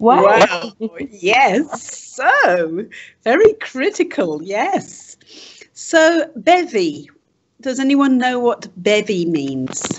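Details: Adult woman speaking; typical speech.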